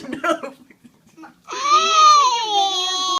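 Brief soft vocal sounds, then a sustained high-pitched wailing cry from an infant in a small room.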